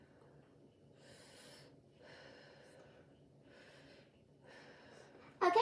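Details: Head-to-toe assessment, lung auscultation: quiet slow deep breaths, about two cycles, no wheeze or crackle, ending in brief handling thump; lungs clear, normal breath sounds.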